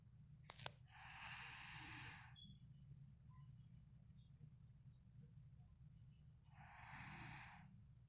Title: snoring pt.3